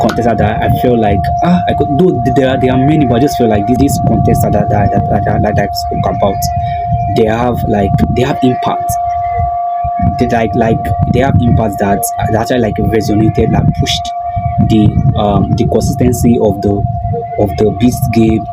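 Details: Male video host who self-identifies as a stammerer, stuttering with a broken word and a repeated word; stuttering.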